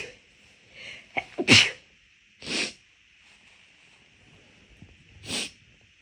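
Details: Three sharp, forceful rapid big sneezes in about six seconds, the first preceded by quick catching breaths, over a high background hiss; sneezing when the nose already felt off midway through a walk; sneezing.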